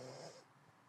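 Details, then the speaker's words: A single rough, low snore from a dog sleeping comfortably in a camper, not overheating or panting, then a quieter breath out into low room noise. "And I'm sorry if you can hear my dog snoring. He's very comfortable right now."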